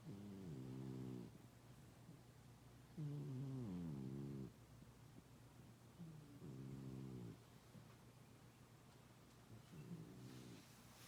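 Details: Loud, rumbling snores from Romeo, a fat cat napping, about four in eleven seconds with quiet pauses between them.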